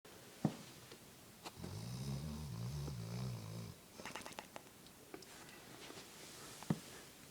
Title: Funny Dog Snoring!